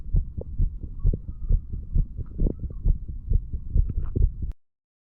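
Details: 35-year-old man, recording his own heartbeat hours after going to bed after drinking too much alcohol, from mitral to tricuspid areas: fast, fairly regular heart thumps about 130 a minute over the chest.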